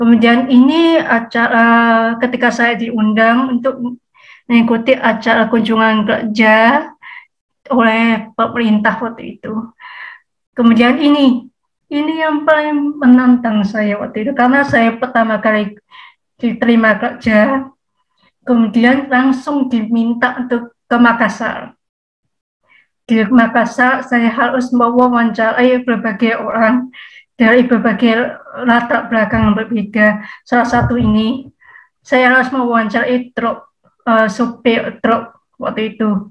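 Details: Speech of a 27-year-old woman with bilateral hearing loss (100 dB left, 110 dB right) who received a cochlear implant at age 3 (around 1997) and learned through auditory-verbal therapy; she says her speech becomes less clear without practice; hearing-impaired speech.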